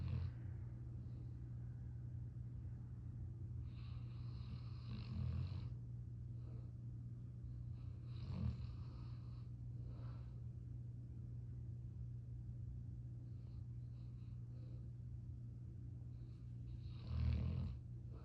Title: Kodiak snoring